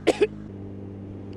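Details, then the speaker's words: Adult rider coughs uncontrollably when first putting on motorcycle helmet each day, not later; two quick, sharp coughs over steady engine hum; cause unknown, helmet washed; cough. "basically what it is is this and as you can see whenever I put my helmet on and his cough uncontrollably but it only happens for the the first time that I put it on for the day"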